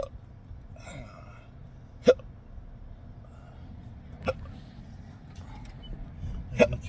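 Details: Person hiccuping while driving, struggling to speak, with no burps: three sharp, abrupt catches of breath about two seconds apart over steady road noise; typical hiccups.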